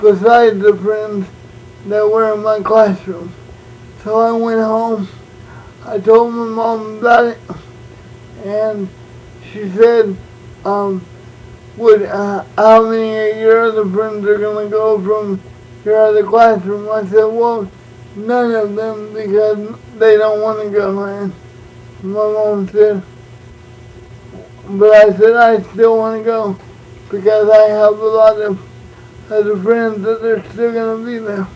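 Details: Adult man born prematurely with cerebral palsy, uses a wheelchair, also reports dyslexia and dyscalculia; no speech disorder named; speech in cerebral palsy (dysarthria).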